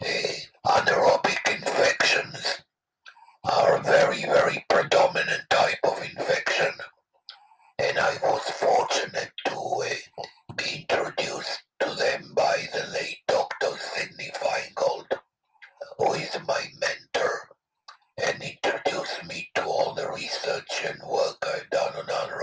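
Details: Adult man with no vocal cords after a total laryngectomy for throat cancer 13 years ago, with a very weak voice; alaryngeal speech after total laryngectomy.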